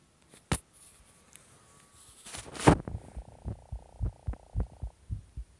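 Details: Rapid heartbeat after stimulant use: quick, regular low thumps at about 140 beats a minute.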